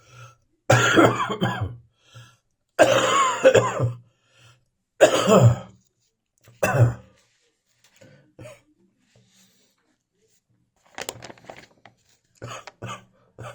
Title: Still coughing in the morning.